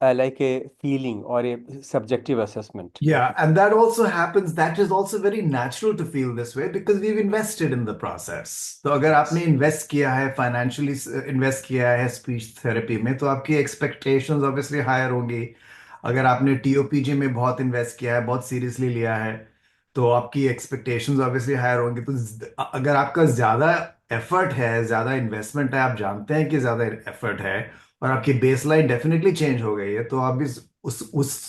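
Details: Adult male speaker; fluent speech.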